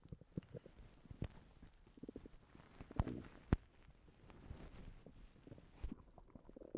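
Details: Irregular low gurgles and rumbles with a few sharper pops: stomach rumbling (borborygmi) from someone who has recently been sick and throwing up.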